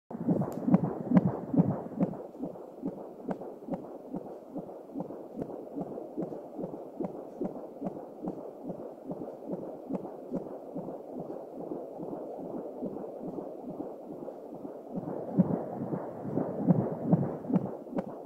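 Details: Fetal heartbeat heard at home with an Angelsound Doppler: rapid, regular whooshing pulses at about 140 beats a minute.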